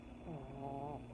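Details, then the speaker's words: Lucy sleeping: snoring, faintly audible. "I don't know if you can hear it Lucy snoring ah anyway yeah at work if I'm on a call and she starts snoring I have to like kind of let people know that's not me"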